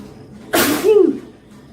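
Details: Indian girl doing a sneezing video challenge: a sudden loud hissing burst ending in a short voiced tail, a single sneeze.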